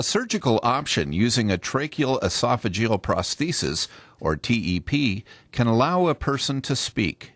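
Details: Adult male narrator; normal speech.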